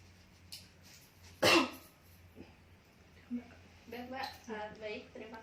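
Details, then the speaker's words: Nursing role-play (simulated) teaching deep breathing and effective cough to a woman with throat phlegm: after a deep breath held three times, one forceful cough on slow exhalation, then quiet talk; phlegm still hard to clear. "Lalu yang terakhir, Mbak bisa pegang ini dan tarik nafas, tahan 3 kali, keluarkan nafas perlahan sekaligus dibatukan hingga dahaknya keluar."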